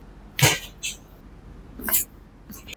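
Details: Two sharp, explosive bursts of air about a second and a half apart, then a softer third; sneezes in a small room, recorded at a chiropractic clinic treating a man with cervical pain radiating down the left arm.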